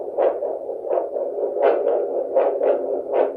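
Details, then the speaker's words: Normal arterial flow signal from an 8 MHz handheld Edan Sonotrax vascular Doppler with gel, swept over the speaker's own radial artery at the wrist: rhythmic whooshing pulses at about 80 a minute. "Right now we don't hear any blood flow because I'm not aiming the little laser beam of sound waves at my radial artery. But if I just sweep across,"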